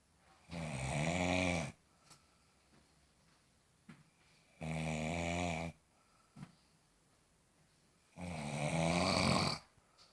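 Three loud, rumbling snores about a second long each, roughly 15 a minute, with quiet breathing between; plain snoring.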